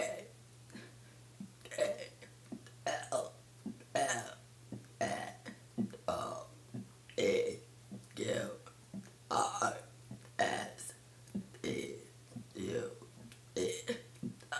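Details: A long run of voluntary burps shaped into spoken letters of the alphabet, one after another; deliberate belching, not a medical sign.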